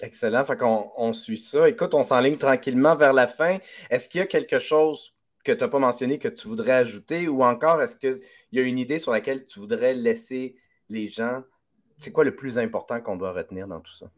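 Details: Adult man, interviewer speaking French; Typical speech.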